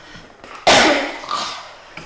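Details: A single harsh, loud cough in a quiet room from an adult who mentions their voice and cough while playing Star Wars Battlefront 2.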